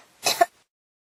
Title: 咳が止まらない 25 cough